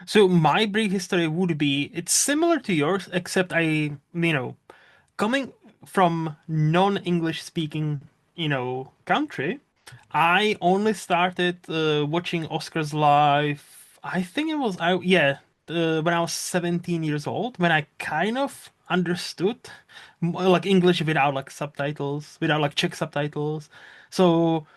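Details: Adult speaker, podcast conversation; Ordinary speech.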